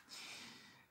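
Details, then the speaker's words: Single soft, airy snoring breath from a sleeping mixed-breed female dog (Labrador-like, Shih Tzu-like teeth) in a quiet room; ordinary canine snoring. "On entend ma chienne qui ronfle. Je sais pas si vous l'entendez aussi."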